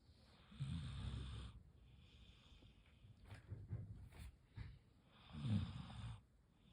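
Two low rumbling snores on in-breaths a few seconds apart, with quieter snuffling between them; ordinary snoring in a sleeping dog.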